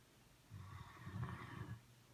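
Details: Pet snoring in deep sleep while lying on the owner's foot, possibly dreaming: a single low, rumbling, drawn-out breath with a rough fluttering quality.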